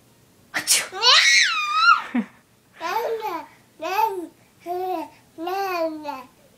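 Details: Fake sneeze: one sharp sneeze, then an infant's repeated laughing squeals in a quiet room as the baby goes wild over the sneezes.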